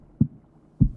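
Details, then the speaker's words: Stanford Virtual Heart VR simulation: two soft, low thumps against a quiet hum, normal lub-dub heart sounds, S1 from mitral and tricuspid closure, S2 from aortic and pulmonic closure. "so the lub comes from the mitral and tricuspid valves closing and the second one the aortic and pulmonic valves that's what they assume at least"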